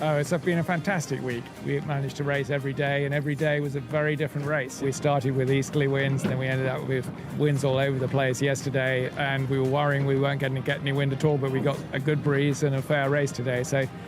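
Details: Adult male speaker; ordinary speech.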